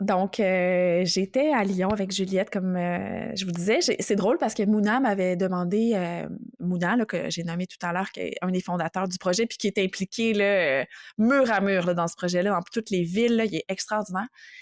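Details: Adult woman speaking French; normal speech.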